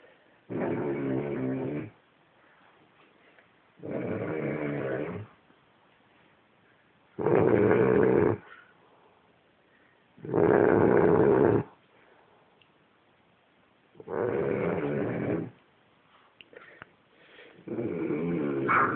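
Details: Pet ("piggie") snoring while asleep: steady, rhythmic, rattling snores at about 18 breaths a minute, with quiet pauses between them.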